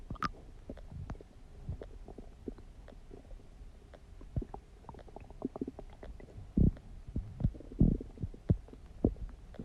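Irregular low gurgles and pops from the belly, some louder and longer toward the end: ordinary stomach growling from moving gut contents.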